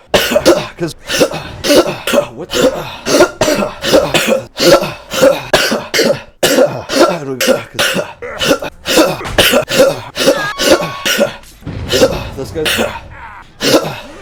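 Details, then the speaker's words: A person with COVID coughing: a long run of rapid, harsh, repeated coughs, about two to three a second, with brief pauses between bouts. "Cause I do have COVID, and uh *COUGHS* Probably gonna do that a lot I'm gonna try not to cough As much as physically possible"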